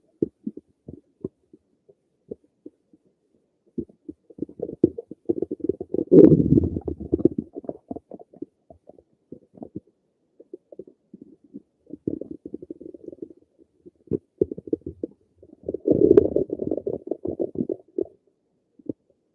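Scattered gurgles and clicks building into two longer rumbling runs, ordinary stomach noises from gas and fluid moving through the gut.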